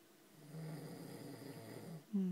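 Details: Man (father) snoring: a low, rough, rattling snore drawn out on one breath, rising at the end into a louder snort.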